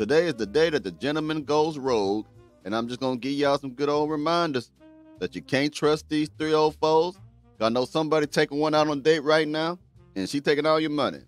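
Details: Adult male speaker; ordinary speech.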